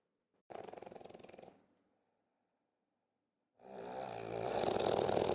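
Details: Human snoring: two loud rattling snores with a pause between them, the second long and building; typical heavy snoring.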